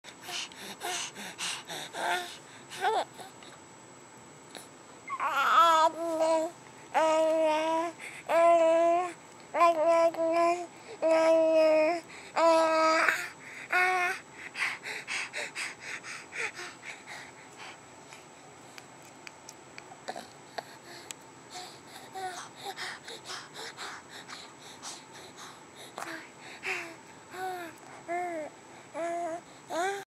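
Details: Infant girl recovering from bilateral vocal cord paralysis (dysfunction), vocalizing after beginning to make sounds a couple of months into recovery; infant vocalization after bilateral vocal cord paralysis.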